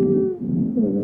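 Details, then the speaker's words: Simulated VR patient avatar (adult male, asthma call, shortness of breath) auscultated by stethoscope over the back, lower lobes: inspiratory and expiratory wheezes, expiratory wheezes grunting as air struggles out; heart tones also audible. Wheezes, diagnosed asthma. "and what's really amazing about this is that this gentleman has inspiratory and expiratory wheezes but those expiratory wheezes are kind of grunting right"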